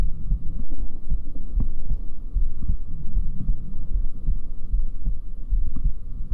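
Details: ASMR heartbeat trigger sound: steady, muffled low heartbeat thumps at about 75 per minute over a constant low hum.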